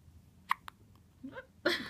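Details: One-week-old baby girl with hiccups: two short, sharp hiccup clicks close together in a quiet room, followed by soft vocal sounds.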